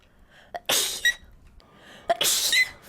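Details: Two sneezes, each a quick indrawn breath then a sharp hissing burst of air, from a streamer's sneezing compilation recorded 2021–2025.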